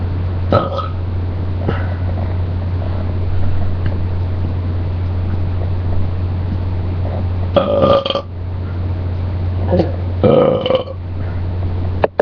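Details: Several throaty, voiced belching sounds over a steady low hum; burping.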